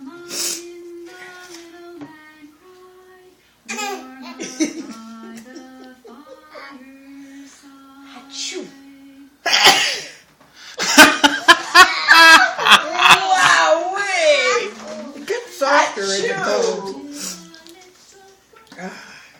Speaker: grandma sneezes loud, huh?